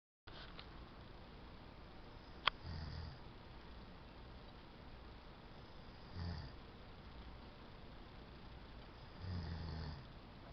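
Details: Adult man, a newly married groom on his honeymoon, snoring at 7:30 am; he denies that he snores. Low, soft snores recur every few seconds over room hiss, with one sharp click.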